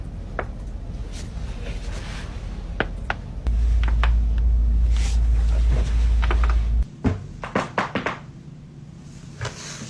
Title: Crunchy Back Cracks from Tik Tok